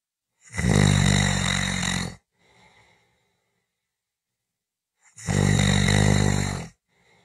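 Two loud, rattling snores on breaths in, about five seconds apart, with near silence between. Heavy snoring.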